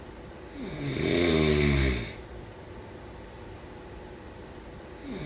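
A single loud, rattling snore on the in-breath, then quiet breathing out, with the next snore beginning at the end; ordinary sleep snoring.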